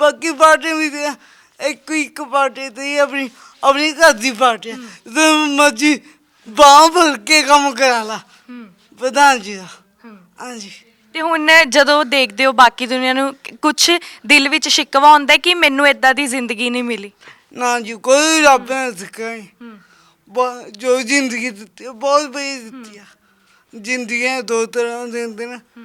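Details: Young Sikh man with a disabled hand and a speech problem present since birth; he cannot speak properly; speech impairment with stammering and unclear articulation.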